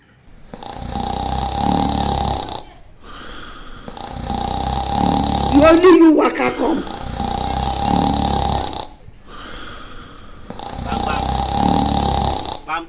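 Loud acted snoring in a comedy skit, rattling on each breath in and wheezy on each breath out, with a brief snort in the middle.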